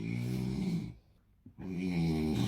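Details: Someone snoring at home during the pre-dawn Ramadan meal (sahur) while others eat: loud, low, buzzing snore with a brief silent pause between breaths; heavy snoring.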